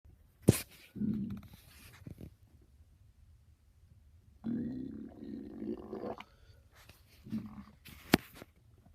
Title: Gtg but my stomach growling going to a party for my little cousin